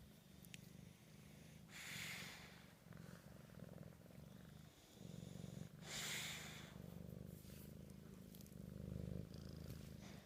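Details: A bully dog with a flat, smashed nose, deeply asleep after a big meal and hard to wake: a steady, low, rattling, purring snore through the breaths, with some rustling in the background.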